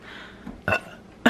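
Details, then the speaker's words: Two short, abrupt hiccups about half a second apart in a quiet room from an adult woman sick with a sore throat, after DayQuil; hiccups lasting 10–15 minutes. "burbs uh guys boo hiccups only for working like a solid like 10-15 minute"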